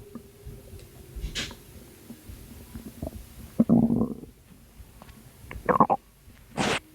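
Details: Postpartum woman's abdomen, about two months after giving birth, with her stomach still not going down: low gurgling and bubbling bursts with quiet gaps between them; stomach rumbling.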